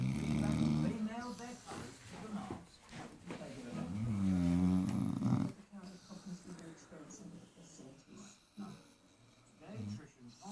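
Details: Four-month-old Great Dane puppy asleep and snoring: low, rumbling snores mixed with snuffling and some room noise; ordinary snoring.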